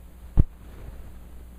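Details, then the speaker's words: Simulated normal heart sounds: two dull low thumps tapped on a stethoscope to imitate the "one-two" of S1 and S2. "if you can just count one and two you'll be good so every time you listen to somebody's heart just listen for one and two okay that's all you need to start with"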